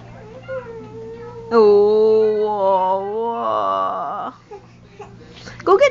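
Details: Baby in an exersaucer watching Barney gives short, whiny cries with wavering pitch, fussing from frustration while reaching for a toy giraffe, not in distress; infant fussing cry.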